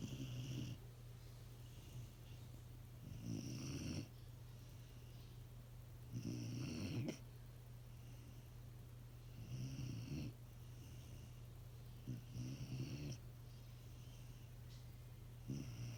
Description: Punkin, the mini golden doodle snoring in moms 🛏